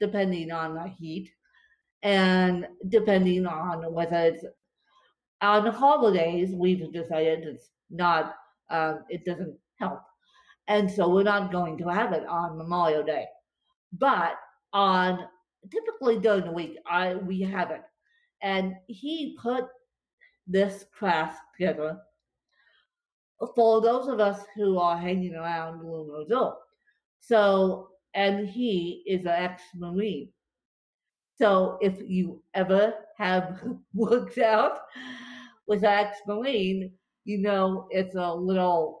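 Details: Dysarthria from cerebral palsy affecting limbs and brain in a female speaker; she reports speech more tongue-tied than usual after a bad spasm day.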